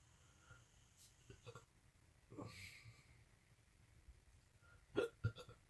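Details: Adult man with constant hiccups for 3 days, a similar episode over a week earlier, unrelieved by medicines: several short, abrupt hiccup sounds over a few seconds; persistent hiccups.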